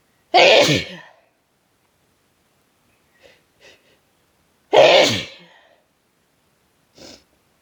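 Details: Person with a cold, exhausted, sneezes unusually harsh and hurting the throat: two loud, harsh sneezes with brief soft breaths between.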